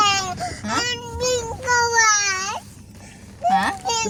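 High, tonal wailing cries in short bursts with breaths between them: a baby crying.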